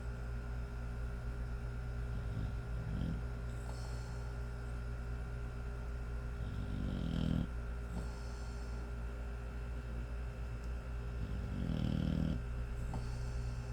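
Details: Snoring in a sleeping 5-month-old American Bully puppy: deep, rumbling snores about 12 breaths a minute over a steady background hum.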